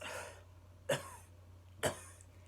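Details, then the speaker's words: Adult patient with an abdominal incision doing a post-operative deep-breathing and coughing exercise to prevent pneumonia: exhaled breath then two short, deliberate coughs, with mild stomach pain; voluntary cough. "Take a deep breath in. Take a deep breath through your nose. And cough twice."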